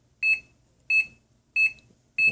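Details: High-pitched piezo buzzer beeps, one per detected heartbeat, steady at about 95 a minute, from a simple homemade two-lead EKG (electrocardiogram) heart monitor demonstrated on a person; ECG heart monitor beep.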